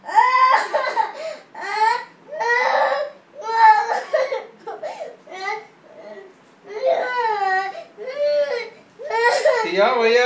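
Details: Young child crying in bursts of wailing and whimpering with breaths between, indoors.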